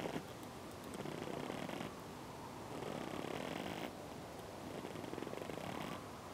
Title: Snoring pigeon